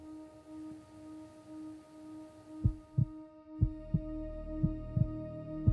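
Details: Steady paired heart thumps at about 60 a minute over a low hum, recorded in a 30-second demo with an AI-powered stethoscope on an adult man; the examiner remarked the heart was beating fast, and the AI analysis reported it normal.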